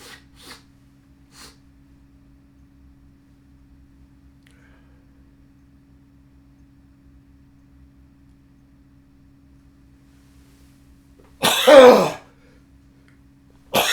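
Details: After sniffing a pinch of fine dry nasal snuff (Grand Cairo, bergamot citrus), which induces sneezing: a few faint sniffs, quiet room hum, then one loud explosive sneeze or cough, with another starting at the end.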